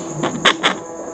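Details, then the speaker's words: Normal fetal heart sounds at 16 weeks of pregnancy on a home fetal Doppler; heartbeat not very loud because of early gestation (normal 120-160 bpm). "bunyinya normal kebetulan ini enggak terlalu keras karena memang usia kehamilannya masih 16minggu bunyi jadi masih kurang sensitif"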